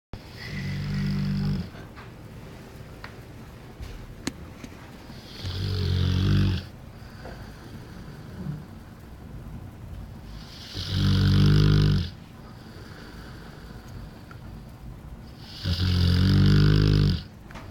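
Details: Loud, deep, regular snores about every five seconds, roughly 12 a minute, from a sleeping 1-year-old bullmastiff dog lying in its bench.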